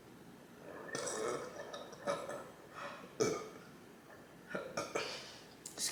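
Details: An adult woman burps several times between brief words during a ramen-eating show after finishing her drink, with low, rough gulping bursts; belching (eructation).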